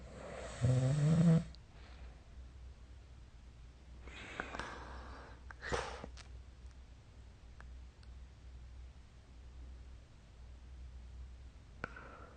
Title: 🐽 Snoring Sleep Sound